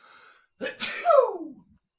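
A quick sharp inward breath followed by a loud explosive burst with a falling voiced tail: a single ordinary adult sneeze.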